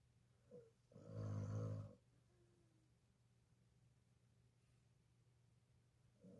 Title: Snores louder than a human! Could you sleep thru this?!?!?